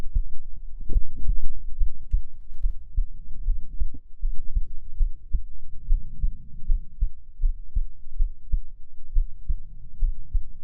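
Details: Normal heartbeat recorded for ASMR: steady, soft low thumps of a resting heartbeat, about 80 beats a minute, heard through the chest.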